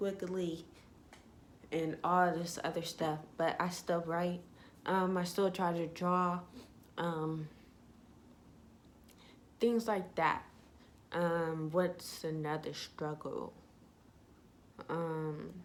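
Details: Young woman with ataxia (self-reported type 46), symptom onset in her junior and senior years of high school, with leg shaking, poor balance and twitching; she says her voice trembles whenever she talks; voice tremor (ataxic speech).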